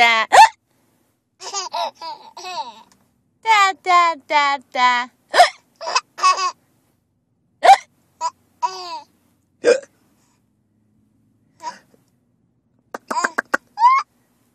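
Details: 9-month-old baby boy with hiccups while giggling and babbling: short, sharp infant vocal bursts mixed with laughter.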